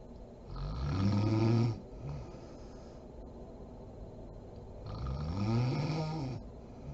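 Two loud rattling snores on breathing in, a few seconds apart, with quiet breathing between; ordinary snoring.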